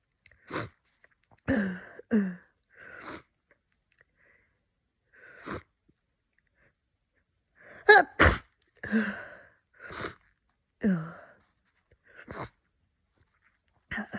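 A run of wet, snuffly sneezes with quick breaths between them: congested sneezing with a cold.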